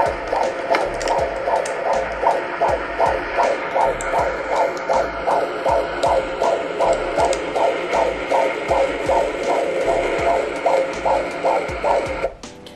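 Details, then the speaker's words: Fetal heartbeat on Doppler at about 18 weeks of pregnancy (17 weeks 6 days): rapid, regular whooshing beats, heart rate in the 150s, a normal fetal rate. "yeah that was baby's heartbeat at 18 weeks last week"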